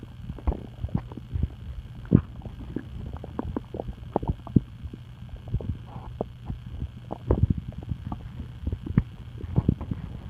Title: Stomach noises